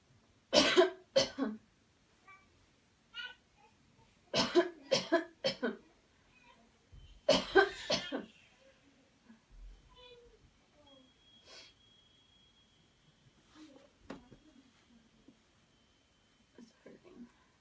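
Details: Demonstration of a coached deliberate coughing technique after paced breathing: three bursts of two to three voluntary coughs each, then quiet breathing.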